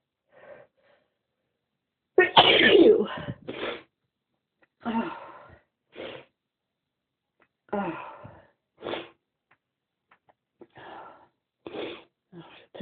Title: Itchy sneezes!